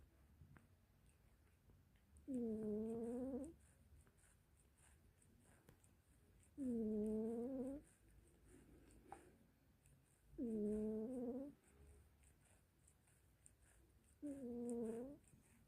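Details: Four slow, tonal, whistling snores about four seconds apart, roughly 16 breaths a minute, from a cat asleep on a bed in the morning, who has snored since he was a small kitten.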